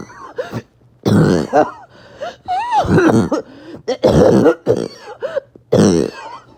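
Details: An adult's awful barking, wheezing cough after a bad 48 hours: four or five harsh, rough bursts with strained, whistling and groaning tones between them.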